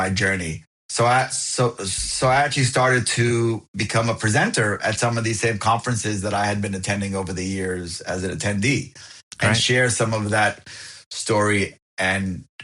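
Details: Adult who has lived with a stutter, with speech blocks and covert versus overt stuttering discussed, found a support group at 28 and now accepts it; stuttering.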